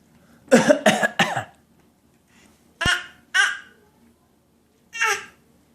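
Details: Young child pretending to cough, copying her father: several short playful imitation coughs in a quiet room: voluntary cough.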